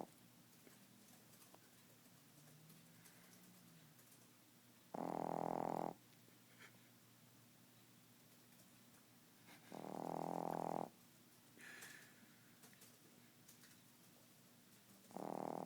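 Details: 3-month-old pet named Nibbler asleep, snoring like a grown man: three loud, buzzing, surprisingly deep snores about five seconds apart over steady room hum; ordinary snoring.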